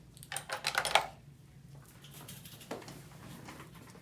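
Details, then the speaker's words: Scissors cutting a tight toe tourniquet during podiatric removal of an infected ingrown toenail (paronychia with pus drainage and granulation tissue): quick run of metallic snips and clicks over quiet room noise. "I'm going to grab a pair of scissors here cut this"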